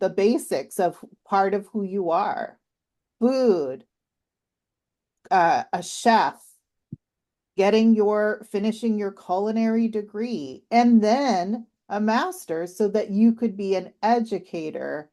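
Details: Adult woman speaking; normal speech.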